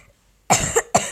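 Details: Woman who says she has fallen slightly ill (cold with runny nose) gives two short, harsh coughs in quick succession with sharp onset while playing Minecraft; cough.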